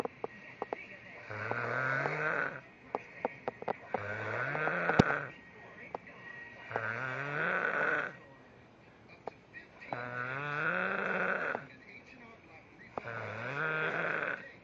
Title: this nigga snore so bad